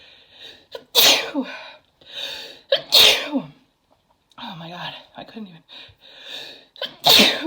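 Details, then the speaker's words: Woman's sneezing fit after taking chhinkni (sneezing powder): three forceful sneezes in quick succession, each with a sharp inhaled build-up, with brief speech between them; she says they are super strong and still tickle. "Oh, I have to sneeze again. Jeez. I have to sneeze. Oh my god. Wow. Those are super strong. Super strong."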